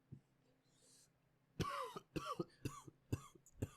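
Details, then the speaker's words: Adult coughing fit during a seated conversation: about five quick, harsh coughs, some with a throat-clearing quality, against quiet room noise. The cougher apologizes afterward. "let you cough for a second. I'm sorry if you can hear it."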